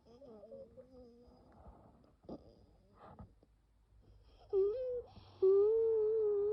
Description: bronchial spasm during a very severe nocturnal asthma attack without coughing. In the end, the bronchi slowly open up again thanks to the rescue medication.